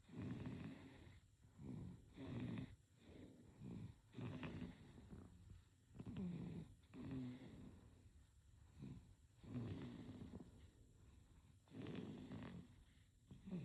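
Soft rhythmic snoring with each breath, about six breaths in fourteen seconds; a sleeping infant snoring.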